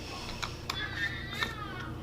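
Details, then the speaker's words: Faint, distant infant crying with a wavering pitch behind room noise and a few sharp clicks, heard in the background; the speaker is unsure whether the 2-year-old woke the baby. "crying back there? Not sure if that's because the 2-year-old woke him up."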